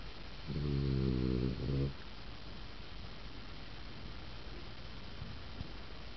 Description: chocolat snoring!!